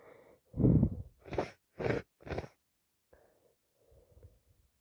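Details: Day 2 of a cold: a forceful sneeze, then several quick explosive sneezing bursts and soft sniffles; sneezing and sniffing all day.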